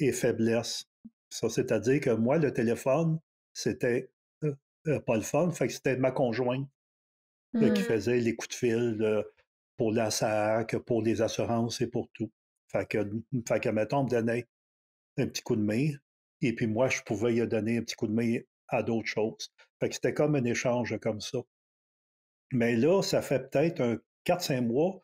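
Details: Retired adult man in his sixties who stutters; stuttering.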